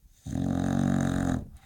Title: BONKIE - English Bulldog snoring and dreaming